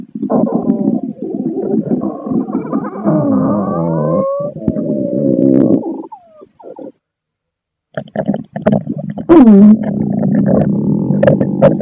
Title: Pasta Stomach Growling #Adventuretime